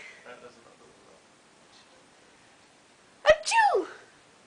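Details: Blue-crowned conure (parrot) mimicking a human sneeze: a sharp burst, then a whistly, falling 'choo'.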